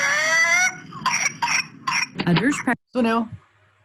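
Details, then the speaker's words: Toddler boy in a coughing fit, later diagnosed as pertussis: rapid harsh coughs broken by strained, high-pitched crowing breaths; whooping cough. "whooping cough is also known as pertussis it's caused by a bacterial infection that is spread from one person with whooping cough to another person"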